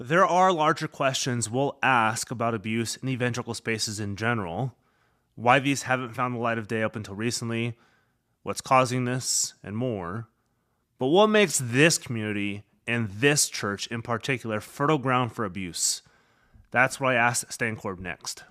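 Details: Adult male speaker; normal speech.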